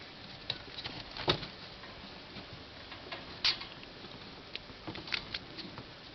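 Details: Newly acquired pet rats from a pet store, all sick and constantly sneezing: faint, sharp little sneezes, about four in six seconds, over quiet room noise. The rats later turned out to be allergic to most bedding.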